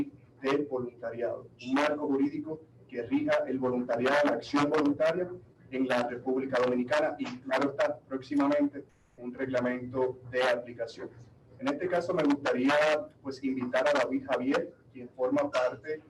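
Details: Adult male speaker; ordinary speech.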